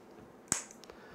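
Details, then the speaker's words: Single sharp click of a magnetic stimulator coil firing over the arm nerve through clothing, demonstrator stimulating himself to make the finger muscles contract; magnetic stimulator coil click. "see when I deliver the stimulus electromagnetic field goes through my clothes muscles rich spiritual nerve Norv get excited excitation wave goes through the nerve reach the muscle and muscle is constructed"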